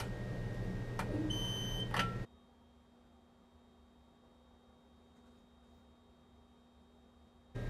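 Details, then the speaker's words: Philips digital X-ray machine, exposure made once the ready light is on: short high electronic tones over room noise, then near silence; normal exposure signal. "And then this light indicates that the machine's ready to X-ray. And if the light isn't on, you're not able to expose. So you need to double check that first and then you can just expose."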